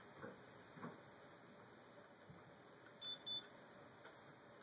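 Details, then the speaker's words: Two short high electronic beeps over faint room noise: an Omnipod insulin pump pod signalling it is filled with insulin and ready to prime, in a person with type 1 diabetes. "you put it into the little hole right here you're going to hear it beep and all of it's in"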